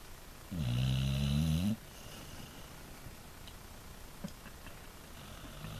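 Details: Single loud, rattling snore about a second long from a pit bull, then quiet room sound; ordinary snoring.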